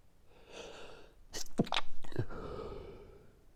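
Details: Late-night sneezing fit before sleep: a breathy build-up, then a sharp explosive sneeze with quick follow-on sounds and a trailing exhale.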